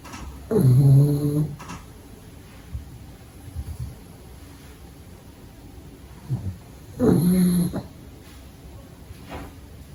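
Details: Loud rumbling snores about six seconds apart, with quiet breathing between, from a pug puppy sleeping during the day; ordinary snoring.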